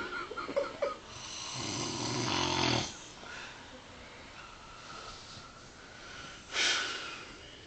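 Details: Son snoring loudly while napping on the couch: a loud, rattling snore on one breath, then quieter breathing and a second noisy breath.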